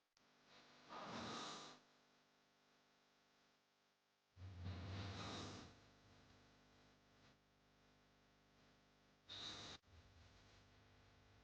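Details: Snoring sound-effect recording: three loud, rough, rattling breath noises with quiet gaps between; hard snoring.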